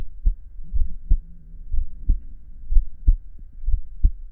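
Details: Adult man listening to his own heartbeat for relaxation: soft, steady low thumps at about 60 beats a minute, a regular resting heartbeat.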